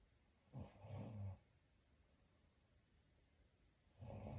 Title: Snore like a chainsaw #sleepstream #sleeplive #sleeping #snoringasmr